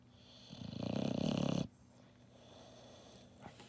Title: The Tiger Dog Snores